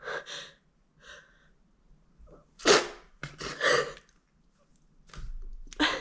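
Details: Build-up of quick in-breaths, then several muffled, stifled sneezes with the nose pinched, during pollen season.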